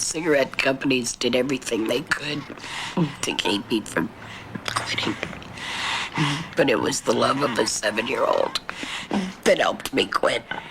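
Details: Adult woman, smoker since age 13, who had a total laryngectomy for throat cancer and has a neck stoma with tracheoesophageal puncture, recorded in 2000; alaryngeal (tracheoesophageal) speech after total laryngectomy.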